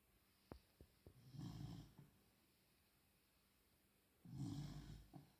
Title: Cute snoring Beagle puppy